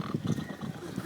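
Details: Sleeping man giving a rough, low, rattling snore within a single breath, recorded outdoors in a park; snoring.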